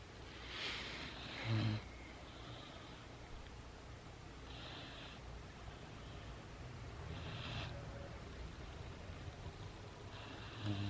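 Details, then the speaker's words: Great Dane puppy, female, sleeping while being petted: soft snorts and noisy sleeping breaths with a couple of louder snuffling snores; she is described as a loud snorer; snoring. "If you pet her when she sleeps, she makes noises. Okay, of course she doesn't do it for the camera, but oh, there it is."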